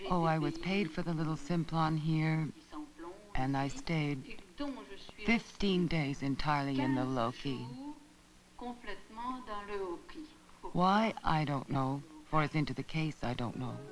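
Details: Woman with Wernicke's aphasia, speech described as showing phonemic deviations, verbal deviations and neologisms (nonwords); Wernicke's aphasia.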